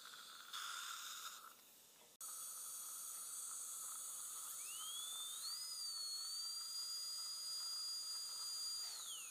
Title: Ultrasonic Dental cleaning